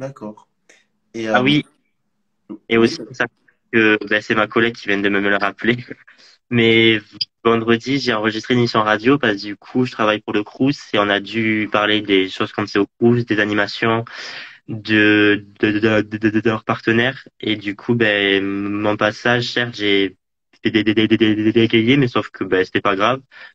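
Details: Adult male speaker; stuttering.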